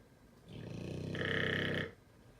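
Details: Pit bull dog sleeping soundly through fireworks, snoring loudly: a single loud, buzzing snore lasting under two seconds.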